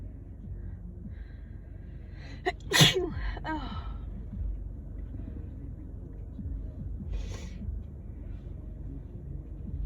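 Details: Person on day 3 or 4 of a cold, sneezing, coughing and blowing nose often: a quick breath in, then one forceful sneeze followed by a shorter sniff or second burst, over quiet room noise; sneezing.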